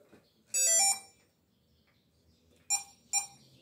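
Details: Three short, high-pitched electronic beeps in a quiet room: an infusion pump alarm, on a syringe pump just started to deliver 30 ml per hour from a 50 ml fill.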